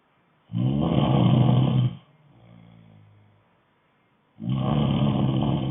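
Loud, coarse rattling snores on the in-breath with a softer out-breath between them, typical of heavy snoring in sleep.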